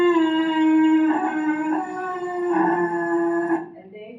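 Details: Diplophonia example recording from a lecture on high-speed imaging of vocal fold vibration, shown while comparing muscle tension dysphonia and spasmodic dysphonia groups; the patient's own diagnosis is not stated.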